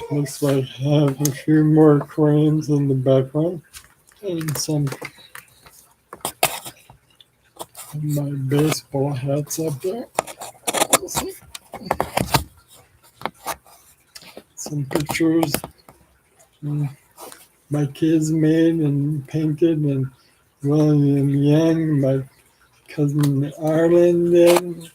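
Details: Adult man with ALS, 4 years after diagnosis and 14 years since symptom onset, with saliva and phlegm buildup; slurring speech, possibly hard to understand; dysarthria (ALS)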